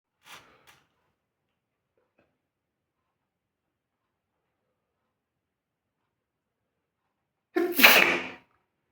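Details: One loud, sharp sneeze burst after a quiet stretch, with a brief faint sound at the start, while sitting on a chair.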